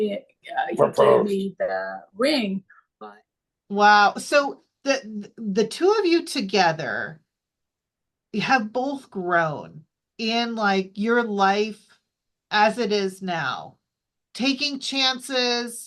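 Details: Adult woman speaking; no disorder.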